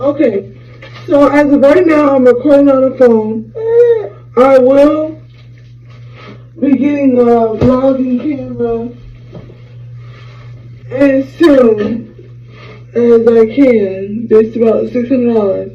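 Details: 26-year-old woman with a hemorrhagic stroke from a ruptured brain aneurysm 6 days after giving birth to twins (July 2018); right-sided paralysis, lost speech and relearned talking; voice still not normal; post-stroke speech impairment.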